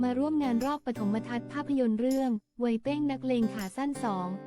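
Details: Adult female news narrator; normal voice.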